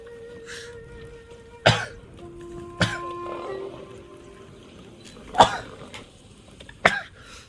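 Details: Man, said to have allergies, sneezing on a livestream: four short, sharp explosive bursts over soft background music; sneezes.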